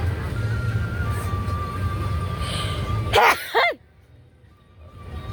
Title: Tickle sneezes Philippines.